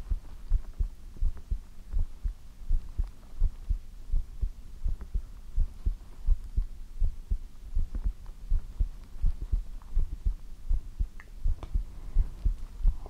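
Steady low thumping heartbeat at about 80 beats a minute with a soft hum behind it; regular rhythm, a normal heartbeat.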